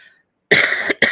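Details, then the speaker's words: Person with allergies all summer, whose colds go into the lungs, gives two quick harsh cough bursts after a short silence; plain cough. "And then you get that horrible cough, and I sound like shit for some reason today."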